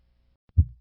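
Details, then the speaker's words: Cooing dove murmur of aortic regurgitation heard at the left sternal edge: a soft low thud, then a loud, low, musical tone fading away, with a unique auditory signature. "This murmur has a unique auditory signature. Listen to a cooing dove murmur of aortic regurgitation at the left sternal edge."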